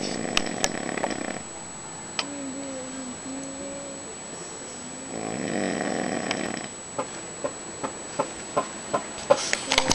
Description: This man snored at night while we were camping....we had to deal with him for three nights :/